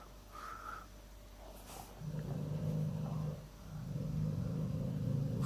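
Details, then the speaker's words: Dog snoring: low, rumbling, fluttery breathing noises in two long stretches with quiet room noise between. "bon mais moi je sais pas une chèvre mais j'ai mon chien qui ronfle"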